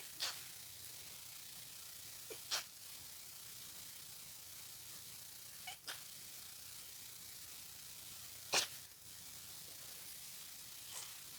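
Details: A person with a congested head cold, a tickling nose, dizziness and headache gives four or five short, sharp sneezes in a quiet room, spaced several seconds apart; sneezing.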